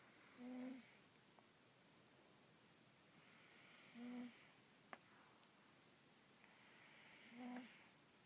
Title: Elvis the Russian Blue snoring again